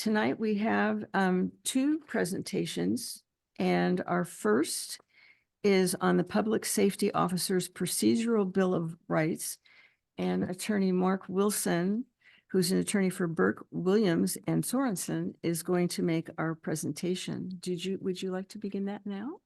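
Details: Adult woman speaking; normal voice.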